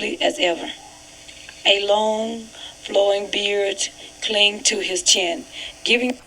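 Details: 62-year-old woman with vocal fold nodules; hoarse, breathy, strained voice with roughness, overall severity just above moderate.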